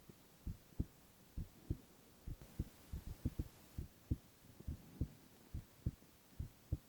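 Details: Male ASMR heart-sound recording with no talking: soft paired low thumps, steady at about 70 beats a minute over a faint hiss; normal heart sounds.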